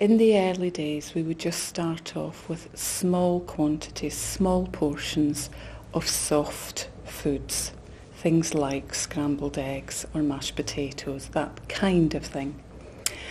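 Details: Adult clinician speaking; typical speech.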